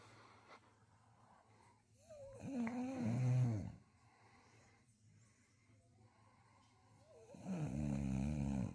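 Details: Loud, low, rattling human-like snores from a female beagle bulldog asleep on a couch: two long inhaled snores with a quiet exhale between.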